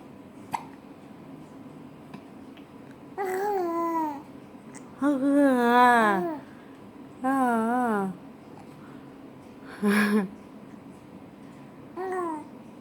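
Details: Male infant having hiccups: babbling and whining between short, abrupt catches in the voice; hiccups.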